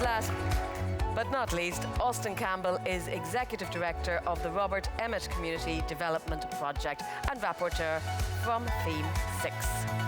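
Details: Adult woman, event host; normal voice.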